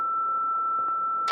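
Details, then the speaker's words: Philips HeartStart MRx defibrillator, simulated ventricular fibrillation, second defibrillation at highest energy setting: steady high-pitched continuous tone signalling fully charged and ready to shock; clear the patient before delivery. "you're gonna keep your selector knob switch at the highest setting charge again right"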